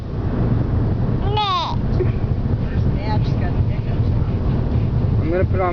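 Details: Three short, squeaky voiced hiccups rising in pitch over steady car road noise, recorded during a road trip; angry hiccups.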